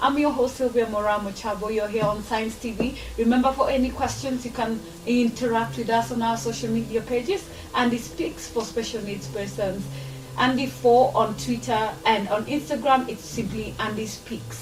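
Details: Adult woman, broadcast host; normal speech.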